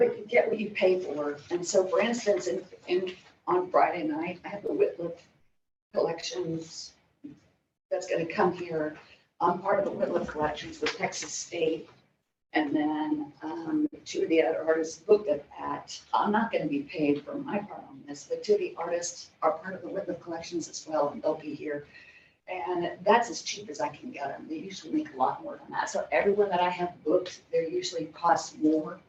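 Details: Adult woman diagnosed in 2020, about two years earlier, with spasmodic dysphonia and essential vocal tremor, with epilepsy diagnosed in 1989: spasmodic dysphonia with essential vocal tremor.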